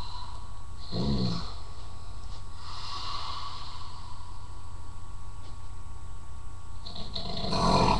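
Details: Man snoring: deep rumbling snore bursts over steady room hum.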